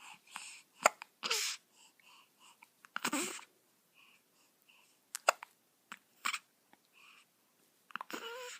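Repeated short, abrupt squeaky catches from a newborn, some with soft whimpers between, fitting infant hiccups.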